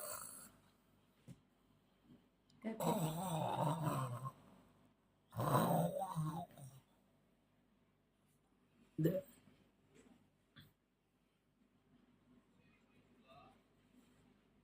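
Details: Two long rough snoring breaths and a shorter snort from a sleeping Pomeranian, with quiet pauses between; snoring.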